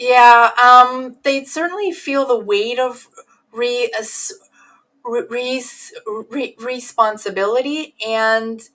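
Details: Adult woman who stutters, assessed as severe in her teens, with sound repetitions and word repetitions — stuttering.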